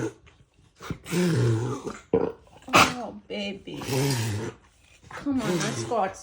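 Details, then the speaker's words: A dog gives several harsh, throaty hacking coughs and voiced gagging retches, as if clearing its throat; the owner wonders whether phlegm is the cause. "oh sweetheart come on come on come on come on baby girl are you okay just all that phlegm in there or something"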